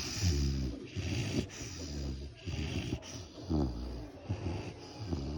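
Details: Great Dane snoring: deep, rumbling, fluttering breath sounds in a loose rhythm, some with a snorting edge, over faint room noise.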